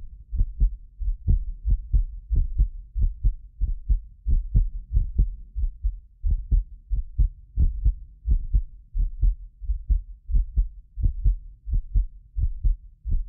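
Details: Heartbeat of a self-described medically fit person, recorded with several precision contact microphones for ASMR: steady low thumping at about 90 a minute, some beats doubled by a ~6 ms delay between microphones; normal heart sounds.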